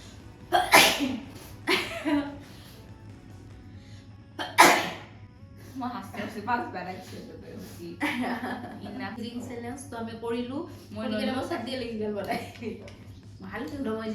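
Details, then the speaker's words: Deliberate sneezes recorded for a sneezing challenge: several loud, explosive sneezes with sharp bursts of noise, followed by laughter and talking over background music. "I'm recording sneezing challenge."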